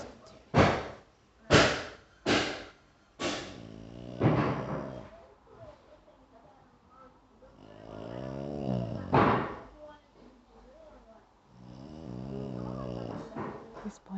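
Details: Sleeping dog gives several sharp snorts, then long, loud, rumbling, tonal snores on in-breaths: snoring.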